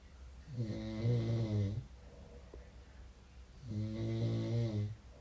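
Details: Two loud, low, rattling snores on breathing in, each over a second long, with a quieter breath between, from a sleeping man; snoring.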